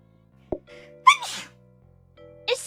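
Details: VTuber IRyS, live-streaming a game, announces she is about to sneeze, then gives a soft intake and one sharp, high-pitched sneeze with a small second burst over quiet background music, and says "bless me."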